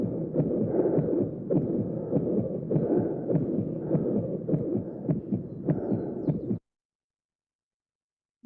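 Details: Ventricular septal defect murmur.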